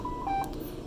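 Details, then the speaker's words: Ventilator alarm sounding right after starting ventilation in pressure control AC mode and setting a value to 40: two short electronic tones, high then lower, over quiet room noise. "all right so already we have an alarm"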